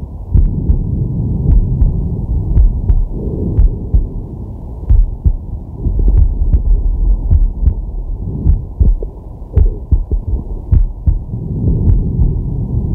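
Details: Male's chest recorded with a digital stethoscope while relaxing: muffled low heartbeat thuds beneath slow, deep breathing that swells and fades; heart and breath sounds.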